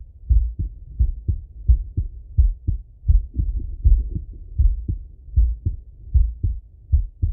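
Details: Male heart auscultation through a stethoscope, recorded sitting or lying: steady lub-dub heart sounds at roughly 80 beats a minute with some rubbing noise; normal heart sounds.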